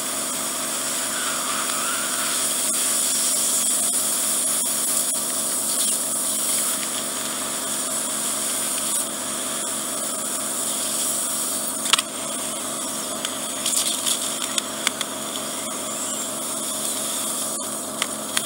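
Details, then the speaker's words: Endoscopic ear microsuction of impacted wax, adult man with bilateral reduced hearing, painful right ear, suspected swimmer's ear with bony protrusions, after oil drops: continuous loud high hissing suction with popping crackles as wax clears the tube. "Those shooting sounds that we made here, just the wax coming off the tube."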